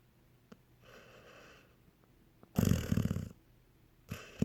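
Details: Rough, fluttering snore on inhalation with a softer whistling exhale between, likened to a cartoon dog: ordinary snoring in a sleeping animal.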